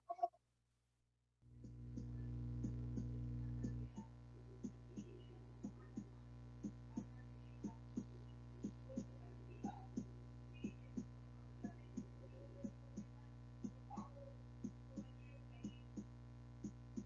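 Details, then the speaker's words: Faint, steady heartbeat thumps at about 60 a minute over a low hum, played as a normal-rhythm example before arrhythmias; normal heartbeat. "A ver, vamos a escuchar primero un latido normal, ¿ya?"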